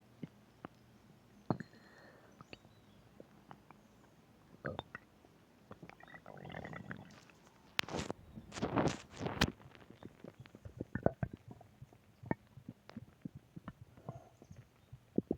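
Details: Stomach growling (borborygmi): gurgling, bubbling rumbles and scattered pops from the belly, with a burst of gurgles midway; ordinary bowel sounds.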